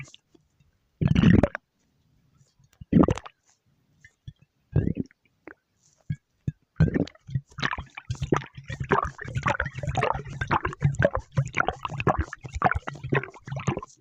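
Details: Low gurgling and squelching bursts, then a long run of bubbling rumbles: stomach growling (borborygmi).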